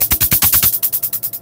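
Rapid, regular sharp snapping pulses, about eight to nine a second, from a carbon laser peel machine firing during facial skin treatment.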